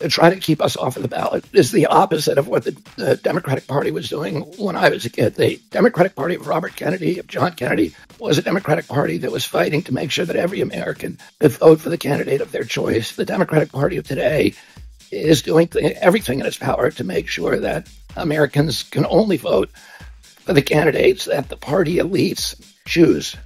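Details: Adult male political figure (Robert F. Kennedy Jr.), real speech, said by narrator to have spasmodic dysphonia, described as a loss of his voice; spasmodic dysphonia.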